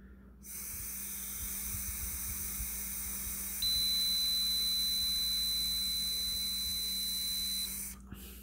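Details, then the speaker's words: Handheld ketone breath meter test during keto diet: steady hiss of blowing into the meter with a continuous high beep that starts and stops to mark the sample; reading showed ketosis, not optimal level. "so you always want to blow till the beep starts and stops so as you can see there has given me a fairly constant reading again"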